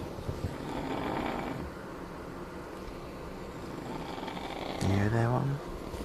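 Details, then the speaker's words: Someone sleeping right below the recorder snores loudly enough to keep them awake: low, rumbling snoring in a noisy room with a brief voiced sound near the end. "this is so stupid just can't sleep someone snoring right down below me"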